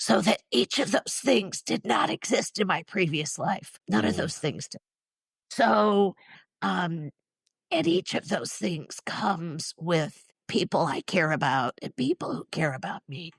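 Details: Adult woman, former choir singer and special education teacher, with neurological spasmodic dysphonia involving basal ganglia processing, plus essential tremor; especially affects vowel sounds; treated with Botox injections to the vocal cords; spasmodic dysphonia.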